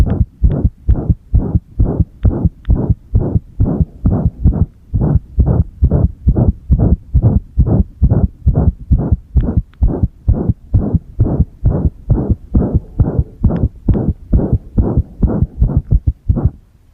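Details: Loud, fast thumping heartbeats, about 130 per minute, with uneven spacing and a few pauses, recorded with the heart pressed while a single-lead ECG was being used; irregular heartbeat (arrhythmia).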